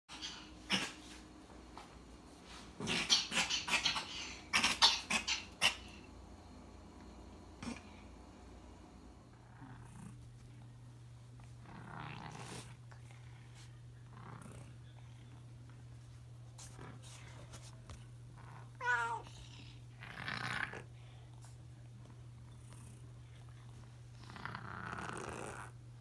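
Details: Stray cat coughing about once a week and sleeping a lot: bursts of harsh, hacking coughs and wheezy, laboured breaths with quiet stretches; owner unsure if nasal or CHF.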